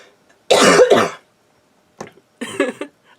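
An adult gives a loud, harsh double cough, then short throat-clearing sounds, as heard with a cold.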